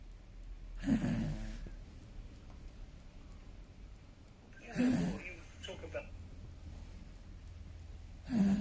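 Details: Sleeping dog snoring in slow, irregular rumbling bursts, about three over eight seconds, in a quiet room.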